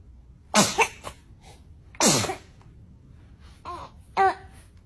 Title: Cute cute sneezing 🤧#babysneez #babiescute